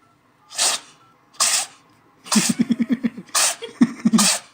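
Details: Cat sneezing like a human: about five sharp, hissy sneezes in a small room, with a run of short voiced pulses between them.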